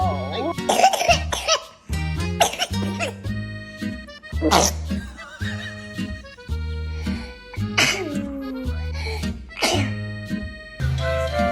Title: Kids sneezing 😂😂#baby #babiesoftiktok #cutebaby #babylover #babyfever #fyp #fypシ゚viral #usa